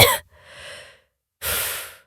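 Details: Two harsh, forced cough bursts with a breathy intake between them. They are acted by a voice actor playing a character coughing after drinking a potion, so the cough is simulated.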